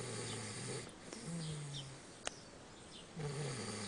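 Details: Sleeping after a visit to a relative's house, snoring heavily: low, buzzing snores on the in-breath, repeating steadily over constant background hiss.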